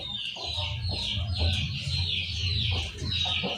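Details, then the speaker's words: A chicken, described as fairly severe, makes repeated rattling, snoring noises with each breath before treatment: respiratory rattling (snoring, ngorok) from respiratory disease. "teman-teman perhatikan Bagaimana caranya saya mengobati ayam ngorok ini teman-teman bisa lihat ngoroknya lumayan Parah"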